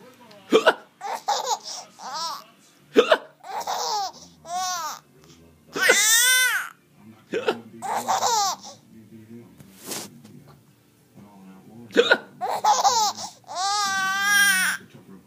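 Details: Adult father's abrupt, sharp hiccups, each followed by bursts of giggling laughter from his baby daughter.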